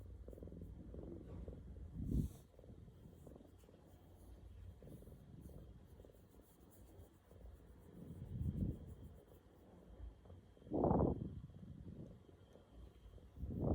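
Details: Low, steady rumbling breathing with louder snorting surges every few seconds, from a sleeping roommate; ongoing loud snoring.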